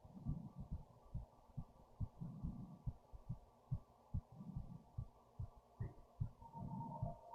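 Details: Person's own racing heartbeat after standing up, recorded with a headphone speaker, with fast heavy breathing and stomach movements: rapid, regular low thumps with softer rushing breath and gut sounds between beats; fast heartbeat (tachycardia).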